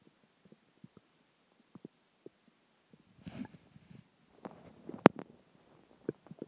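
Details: Stomach growling after dinner, water and gas: scattered soft pops and gurgles, then a longer bubbling rumble and a sharp squelch; borborygmi.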